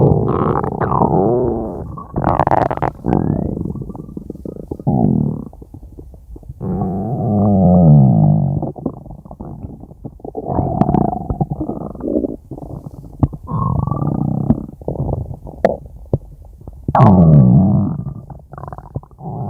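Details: Loud, prolonged gurgling and squealing rumbles with shifting pitch and brief pops from a person's stomach; stomach growling (borborygmi).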